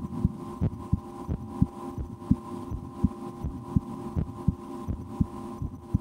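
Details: Own heartbeat heard through a stethoscope in an ASMR recording, after a lunch with loud digestion: steady paired lub-dub about 83 a minute over faint hum; normal heart sounds.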